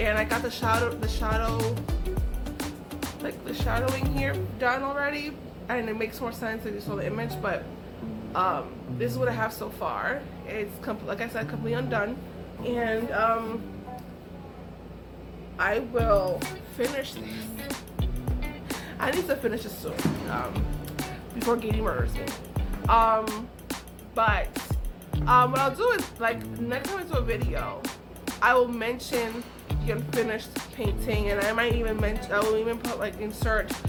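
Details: Adult woman with aphasia after a stroke, which she says took away her ability to talk, write and paint; aphasia.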